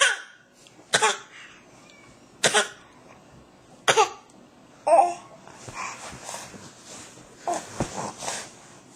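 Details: Infant practising a newly learned cough: four short, deliberate coughs, then soft babbling; a playful voluntary cough.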